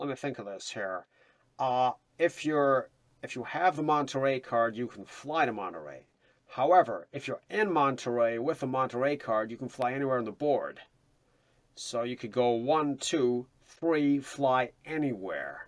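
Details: Adult man; Normal speech.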